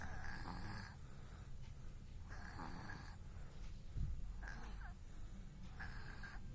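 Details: Sleeping baby snoring: about four soft, rhythmic snoring breaths over heavy low rumbling background noise.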